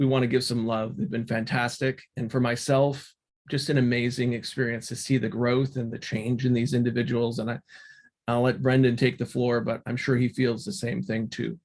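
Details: Adult man speaking; ordinary speech.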